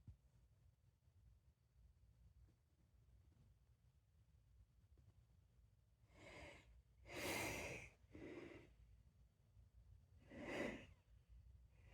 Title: 15 Feb 2026 - three sneezes